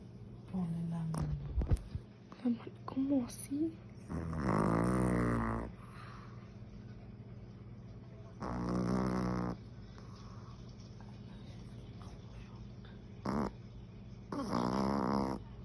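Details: Sleeping dog snoring in long, rattling breaths, with a few brief sounds and quiet room noise in between.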